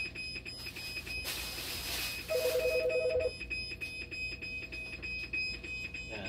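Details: Dialysis machine alarm signaling a low flow error: a rapid series of about ten short beeps over room noise and a faint steady tone.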